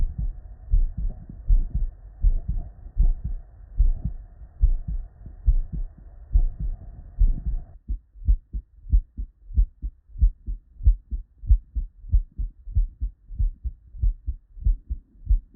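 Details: Real, unedited bedside auscultation of a human heart with normal cardiac physiology: regular lub-dub at about 94 beats a minute, crisp first and second sounds, no extra sounds; normal heart sounds.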